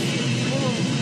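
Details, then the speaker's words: Simulated noise-type tinnitus played on a Korean health TV show: a steady, loud rushing noise that patients compare to crumpling paper or a train. "들으시는 거는 이런 잡음입니다. 이게 여러 가지 소리가 나요. 네, 여러 소리가 시끄러운 소리가 나고 막 종이 꾸기는 소리가 난다고 하시는 분들도 있고요."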